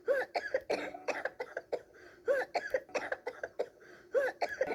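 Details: Repeated light, voiced coughs in clusters, acted in a roleplay as the character Fluttershy rather than from a true illness.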